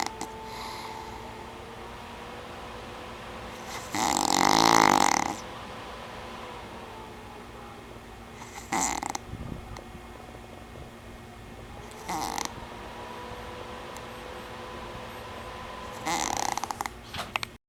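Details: Adult man (boyfriend) asleep, snoring: four harsh, rattling snore bursts at irregular intervals over a steady background hum.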